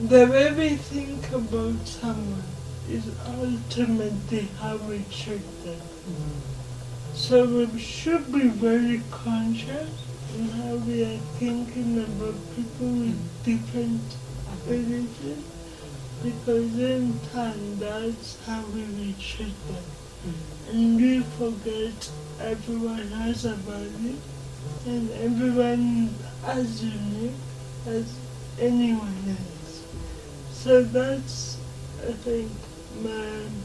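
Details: 26-year-old woman with lifelong cerebral palsy who began talking later than other children; dysarthria in cerebral palsy.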